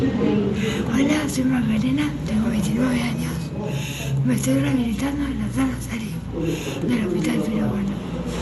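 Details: Breathy dysphonia with marked respiratory incoordination in a female patient, first recording made while she still had a tracheostomy and a nasogastric tube.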